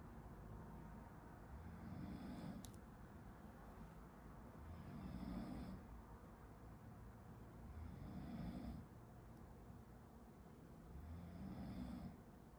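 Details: Person sleeping behind someone studying: faint, distant low snores over steady room noise, about four in 12 seconds; ordinary snoring during sleep.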